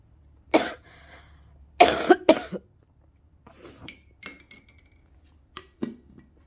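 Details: Adult coughing while testing a home remedy of steam from salt water: three or four harsh coughs in quick bursts, then quieter breathing with faint clinks of a glass in a small room.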